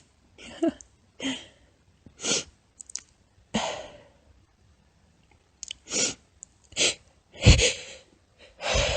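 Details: A run of short, muffled, high-pitched sneezes with quiet gaps, some held back; stifled, tiny, squeaky sneezes from a woman.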